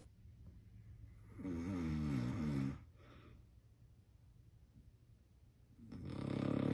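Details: Sleeping Yorkie puppy snoring: a loud, rattling snore on an in-breath, then quiet breathing and the start of another snore.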